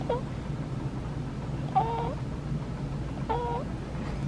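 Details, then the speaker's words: Three brief, high squeaky whistles over a steady machine hum, like snoring or whistling, from a small, normal air leak around a NICU infant's endotracheal tube: endotracheal tube air leak squeak. "sounds like he's snoring or whistling but that's actually a small leak that is in this tube and it just happens like it's normal for them to have a leak but it's just a little leak and it makes a little squeaky sound"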